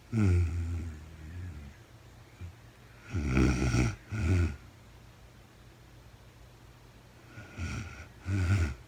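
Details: A woman sleeping in real time, with no talking, snores low and rattling over two breaths, snoring on each in-breath and again on each out-breath, with quiet gaps between.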